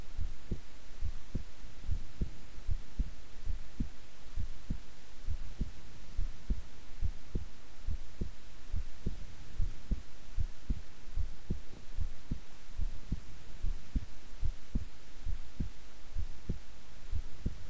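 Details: Own heartbeat recorded at length while staying still and relaxed: steady, soft low thumps at a calm resting rate over a constant hum; normal heartbeat.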